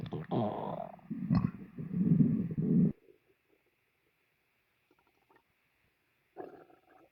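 Deep, drawn-out gurgling growl for about three seconds, then quiet with a brief later rumble; stomach growling after a meal.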